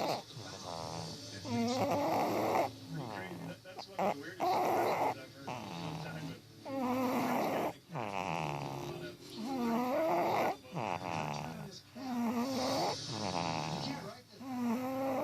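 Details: Rhythmic rattling snores with a purring quality, roughly one every two to three seconds, from a sleeping cat: snoring.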